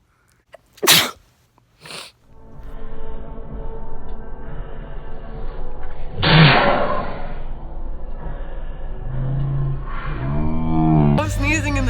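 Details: Allergy sneezes: two sharp sneezes, then music and a further sneeze.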